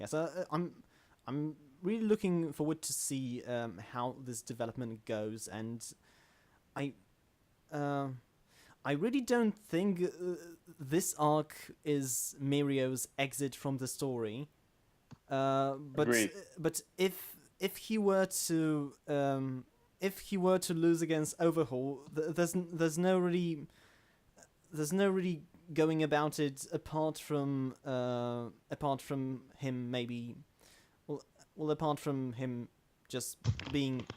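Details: Adult male self-described stammering host in natural conversational speech, with word and phrase repetitions; stuttering.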